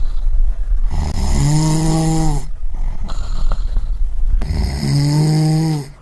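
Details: Snoring sound-effect recording: two long, low, rattling snores on the in-breath with a quiet pause between them; ordinary snoring.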